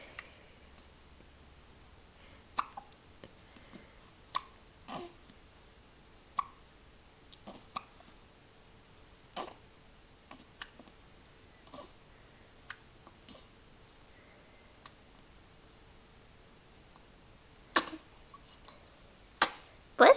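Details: A 4-week-old baby boy hiccuping while rolling around on the floor: about a dozen short, sharp hiccup sounds at irregular intervals in a quiet room.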